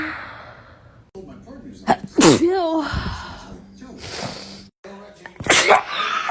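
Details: Two sharp, explosive sneezes, each with a quick in-breath before it, against faint room noise and talk; sneezing, from a short sneezing compilation.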